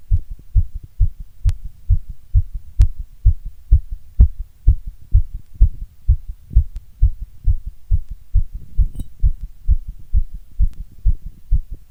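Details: Strong, steady low thumps of an adult heartbeat in a normal rhythm with no added sounds: a normal heartbeat.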